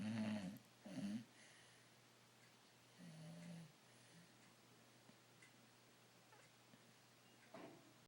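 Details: Bulldog snoring during an afternoon nap: soft, low rattling snorts with a few irregular bursts and quiet gaps.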